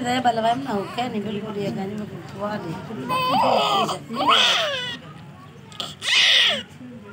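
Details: Newborn shortly after a normal delivery: short bursts of high-pitched, vigorous crying between adult voices in a small room.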